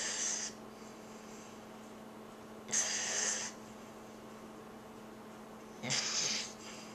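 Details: Snorting snore during sleep: three short hissing, snorting breath noises about 3 seconds apart, roughly 19 per minute, over steady room hum.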